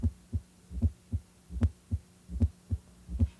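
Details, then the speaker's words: S4 gallop at about 76 beats a minute: a soft extra thump just before S1, from an auscultation lesson on the thorax. S4 arises as atrial contraction forces blood into the ventricles. "S4 results from vibrations caused by forceful ejection of blood from the Atria into ventricles that expand"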